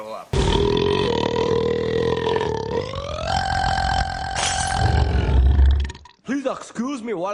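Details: Burping in a compilation of movie scenes: a long, loud, drawn-out belch with a rising pitch, followed by brief speech.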